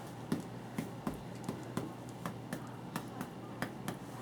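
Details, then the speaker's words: Percussion over the upper posterior chest near C7–T1 with the patient sitting up, intercostal spaces palpated, avoiding muscle: hollow, low tapping notes, a normal resonant lung note. "so I can really easily feel his intercostal spaces now listen to this resonant note"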